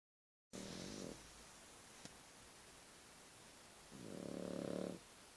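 Two rough, buzzing sleep breaths several seconds apart, with quiet between them; a puppy snoring.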